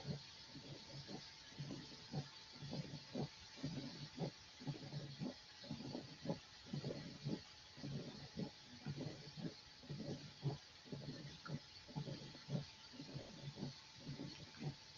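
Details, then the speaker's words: Mitral stenosis murmur played in a cardiology semiology class: low heart sounds near 58 a minute, a normal first sound, each followed by a long, low diastolic rumbling murmur. "Ya. Ese es un soplo de estenosis mitral, ¿ya?"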